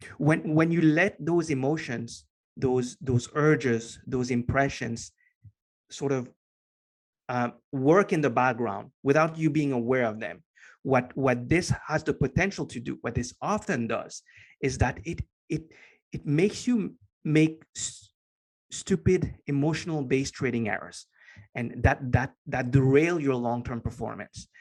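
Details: Lifelong stutter in a man, since as long as he can remember, now better controlled and barely audible after consistent meditation practice; part-word and word repetitions heard; stuttering.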